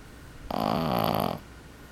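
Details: Boston Terrier puppy, about 12 weeks old, snoring: a single rough, vibrating snore on a breath under a second, in a quiet room.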